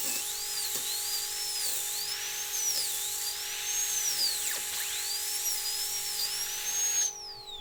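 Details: High-speed dental drill on a surgical extraction training simulator: high-pitched whine dipping and rising under load while sectioning a three-rooted tooth into three single-root fragments.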